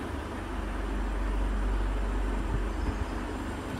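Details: Two 5 LPM home oxygen concentrators, each set at 5 LPM and joined by a Y connector for a combined 10 LPM output, running with a low rumbling motor hum and soft rhythmic pulsing.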